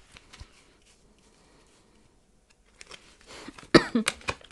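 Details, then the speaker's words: Adult woman whose cough has not let up for a few hours: a few faint throat sounds, then a loud burst of several harsh coughs near the end. "suis vraiment désolée, cette toux ne me lâche pas depuis quelques heures."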